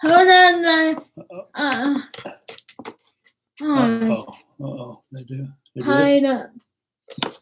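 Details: Young woman with cerebral palsy, sometimes hard to understand per parents, started talking late and worked with a speech pathologist on sounds such as plosives; dysarthria (cerebral palsy).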